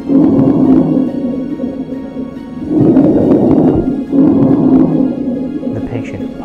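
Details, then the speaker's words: 38-year-old man with COVID-19 deteriorating in intensive care, with bilateral ground-glass opacities on chest X-ray, in a case based on real patient events; noisy breath sounds with low rumbling tones and scattered coarse crackles; coarse crackles and rhonchi. "on auscultation we hear coarser crackles and diffusive bronchi"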